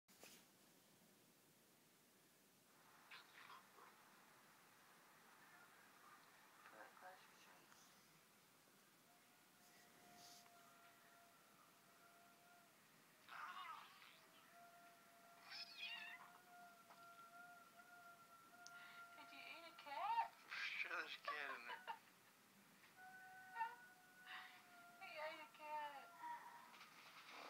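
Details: Dog that didn't feel good: long, squeaky, whine-like gurgles and rumbles from the belly; loud abdominal growling (borborygmi).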